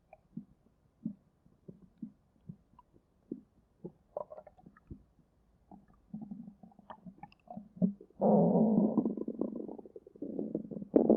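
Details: Hunger stomach growling in a young woman: soft gurgles and bubbling pops, then a long low rumbling growl; borborygmi.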